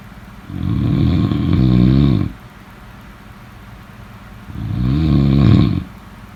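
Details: Two long, loud, deep vibrating snores about four seconds apart; heavy snoring in sleep.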